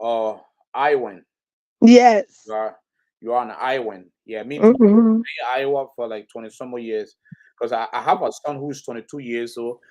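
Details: Adult speakers in casual conversation; normal conversational speech.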